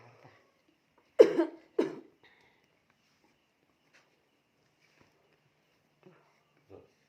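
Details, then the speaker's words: Adult cough at night with shortness of breath, recorded during a breathing massage; the whole household is coughing: two loose, harsh coughs in a quiet room followed by faint breathing sounds. "Batuk semua, Ini guys. satu rumah ini batuk semua."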